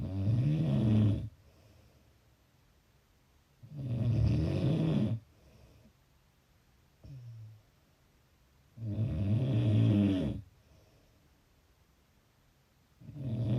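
Loud, low rattling snores on each breath in, about 12 breaths a minute, with quiet breaths out between them.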